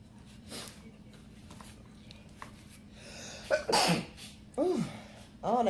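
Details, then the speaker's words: Woman sneezing after inhaling red pepper while eating: a sharp sneeze burst with voiced tail, then two more voiced sneeze-like exclamations in a quiet room; a short sneezing bout. "that pepper got me. The pepper got me. Oh, I done messed myself up."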